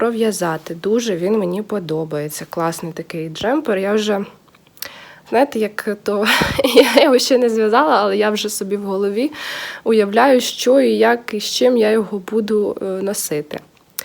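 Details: Adult woman speaking; normal voice.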